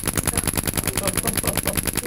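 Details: DolorClast radial shockwave therapy for Achilles tendinopathy, probe over a palpable tendon lump with the ankle held dorsiflexed: rapid, regular mechanical clicking pulses, about ten a second, with a steady high whine from the device firing.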